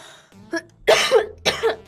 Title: Girl coughing 268